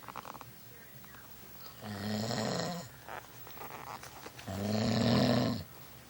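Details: Person snoring through a long night: two loud, rough, low fluttering snores on breathing in, a few seconds apart, with quieter breathing between.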